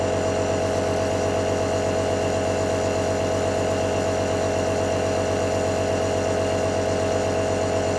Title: ASMR Nebulizer 1 Hour Sleep (feat. ASMR STONKS)